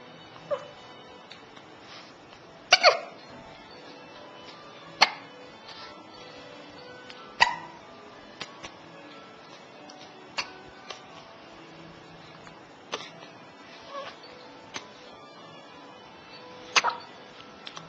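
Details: Baby hiccupping, with sneezing also in the recording: sharp, abrupt hiccup clicks recurring irregularly, roughly every two to three seconds, over faint background sound.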